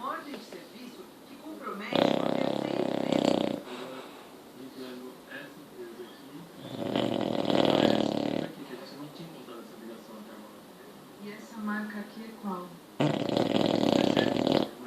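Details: English bulldog puppy, 7 months old, snoring: three loud, harsh snoring breaths about every five to six seconds, with soft snuffling between them; snoring in a short-nosed dog.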